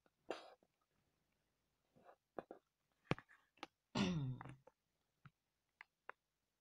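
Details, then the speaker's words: A younger brother in the background, described as somewhat congested, sneezes. A quiet room with soft clicks and throat noises, then a sharp voiced burst with a falling tail. "Si vous entendez quelqu'un en fond qui vient d'éternuer, c'est mon petit frère. Donc il est un petit peu limite bouché."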